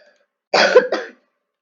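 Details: Person who says they are sick; two short, harsh coughs in quick succession against a quiet background; cough.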